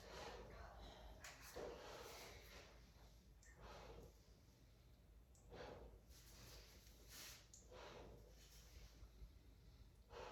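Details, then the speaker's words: Physical exam, stethoscope over the posterior chest: slow, deep breaths with soft rushing airflow; vesicular and bronchovesicular normal breath sounds throughout, with no stridor, wheezing or crackles. "Lung sounds are vesicular and bronchovesicular. Throughout, no stridor, wheezing, crackles."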